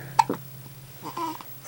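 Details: Chubby baby girl with the hiccups: a sudden, sharp hiccup with a short catch, then soft baby vocal sounds in a quiet room; infant hiccups.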